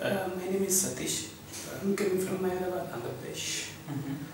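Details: Puberphonia (mutational falsetto) in a 34-year-old man with a high-pitched voice for 20 years, recorded before therapy; the clinician notes the voice sometimes goes low and sometimes high.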